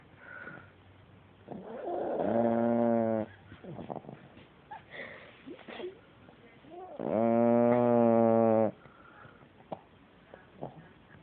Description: Our black Pomeranian was laying down sleeping and was snoring very loudly.